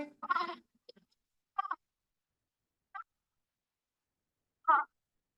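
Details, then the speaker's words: Child with expiratory grunting accompanied by chest retractions, shown in a pediatric emergency assessment talk: short, voiced grunts at the end of each breath out, about every one and a half seconds. "aquí tenemos a continuación el quejido junto con tirajes"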